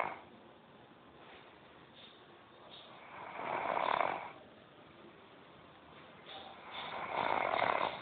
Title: funny snore